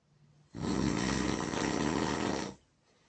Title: Me snoring like a monster